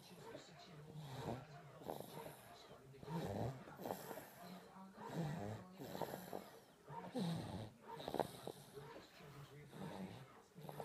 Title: Baby snoring